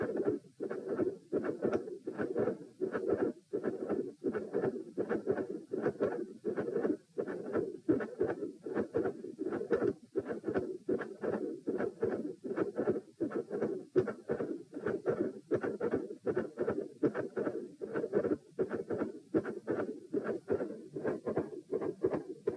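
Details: Heart sounds recorded standing and sitting: a continuous murmur that lessens with the change of position, with split S1 and S2.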